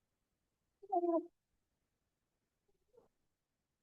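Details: Infant in a lecture on respiratory noises in infants: biphasic stridor, noisy breathing heard on both inspiration and expiration.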